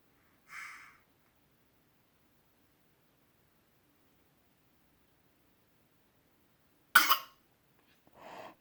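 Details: 8-month-old baby boy's deliberate fake cough in the early morning to get his mother's attention: a faint breathy sound, then one short sharp cough and a small throaty sound.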